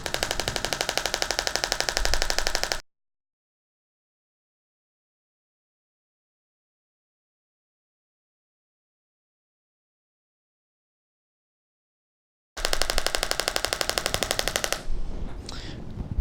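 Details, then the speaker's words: Radial shockwave therapy applicator firing toward the center of a patient's knee during a roughly five-minute treatment aimed at cartilage regeneration; rapid regular clicking bursts, about four a second, with long silent gaps, as compressed air drives a steel rod against the applicator head. "So when we apply this therapy, there is a steel rod on the inside of the device. The compressed air shoots that rod forward and it hits the back of the applicator head."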